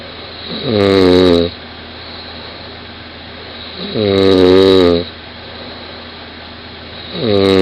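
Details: 20-year-old woman recorded by her partner in bed beside her: loud, buzzing snores on each inward breath, about 18 a minute, over steady room hum; heavy snoring in sleep.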